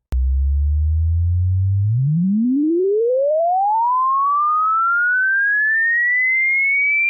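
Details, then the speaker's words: Home hearing-age check, not a medical test: a pure tone holds low, then glides steadily upward to very high pitch; the listener pauses when they can no longer hear it. "In a moment, you'll hear a high-pitch tone. All you have to do is pause the video when you can no longer hear the sound."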